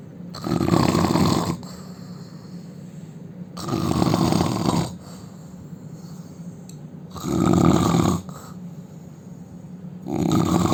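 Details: Indian man snoring loudly: rough rattling snores on each in-breath, about 18 a minute, with quieter breathing out between them; ordinary heavy snoring.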